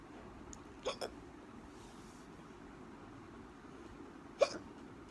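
Three short, sharp gulping hiccups against quiet room noise: two close together, then one more a few seconds later.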